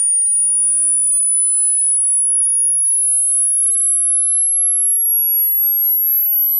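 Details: Single clean tone sweeping up from 1,000 to 20,000 Hz, played loud through speakers or headphones as an informal YouTube hearing-range check, not a real hearing test; pure-tone frequency sweep.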